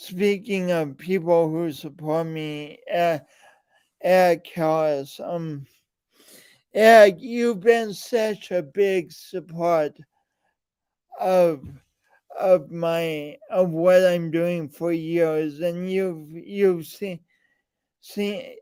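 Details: Man with a speech impediment and coordination differences present since birth, still ongoing; speech impediment (disfluent speech).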